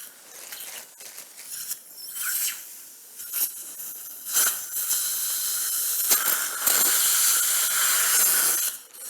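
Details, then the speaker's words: Dental implant drilling in a middle-aged woman, upper right second molar area, sinus lateral approach with 2–3 mm residual bone: high-pitched hissing whine with irrigation spray in bursts, sequential drills 2.2, 3.5, then final 4.0 mm. "Okay, third drill, 3.5. 3.5. Okay, maybe 4.0 is the final drill. 4.0. This is the final drill, 4.0."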